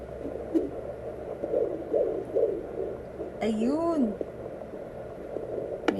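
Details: Home fetal Doppler in the second trimester (around the sixth month): soft, fast whooshing pulses through static at roughly 140 beats a minute; normal fetal heartbeat.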